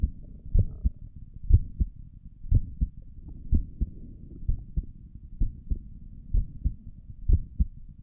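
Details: Heartbeat heard through a stethoscope on the chest for an ASMR recording: steady, soft lub-dub at about 62 beats a minute; stomach gurgles occur during the recording.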